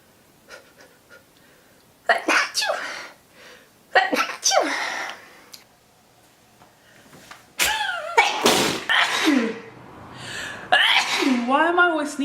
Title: A Sixth Sneezing Compilation